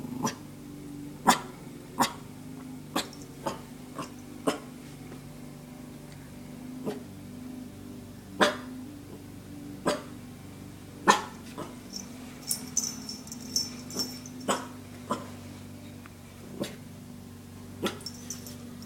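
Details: Dog giving a series of short, soft huffing coughs, described as little threatening coughs at a perceived intruder, over steady room noise.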